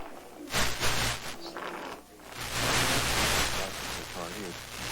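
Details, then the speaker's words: Severely brain-damaged near-drowning children in a vegetative state, tube-fed, breathing through tracheostomy tubes: harsh, noisy, labored breaths rushing in and out. "Listen carefully, and you will hear their labored breathing from their tracheostomies. The tubes inserted in their windpipes help them breathe and prevent them from drowning in their own saliva."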